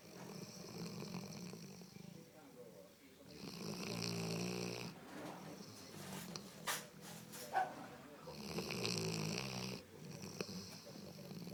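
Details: Marley snoring in a scene from the film Marley and Me: loud, rattling snores on the in-breaths, with some talk in the background; snoring.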